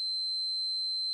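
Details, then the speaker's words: One steady, pure, high beep of about a second: the self-test tone when the EnteraLite Infinity enteral feeding pump is switched on by holding the on/off key, used for a child's G-tube feeds. "after it runs the self-test the display will show the last programmed rate"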